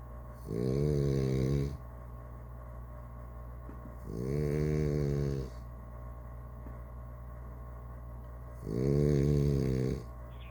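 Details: Blue snoring: three loud, low, rattling snores on the in-breath roughly every four seconds, steady room hum between.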